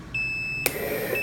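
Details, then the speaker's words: Leistung PR4D02 analog ventilator on a test lung, flow raised to 100% with the outlet occluded. Peak pressure climbs past the 20 alarm limit, giving a steady high-pitched electronic tone broken by a click: high peak pressure alarm. "Ele começa a alarmar porque aqui no alarme eu coloquei para 20 e ele indica para mim que o pico de pressão está dando maior que 20, então ele começa o alarme."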